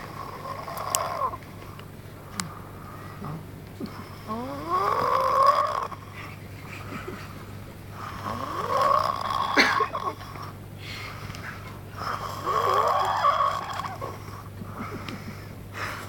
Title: snoring dinosaur